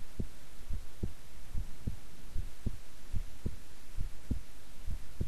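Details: Own heartbeat recorded at length while staying still and relaxed: steady paired normal heart sounds at about 75 beats a minute over a constant hiss.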